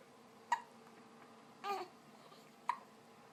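Two sharp, brief hiccup sounds about two seconds apart in a quiet room, with a soft vocal sound between them.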